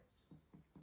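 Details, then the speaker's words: Chiropractic abdominal screen, tapping an adult man's belly for tenderness: three short, low drum-like thuds; dull areas may reflect stool. Finding: abdominal percussion note. "so again this is kind of like a drum you listen for timpani and you might hear"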